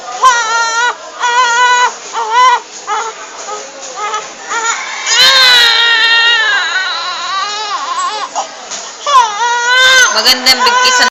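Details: Baby being cleaned, feeling cold, gives loud, sustained crying in repeated wailing bursts with short gasping pauses; infant crying.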